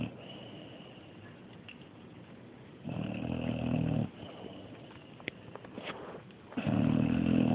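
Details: Snoring during sleep: two loud, rough, low-pitched breaths with a rattling, buzzing quality, separated by quiet breathing.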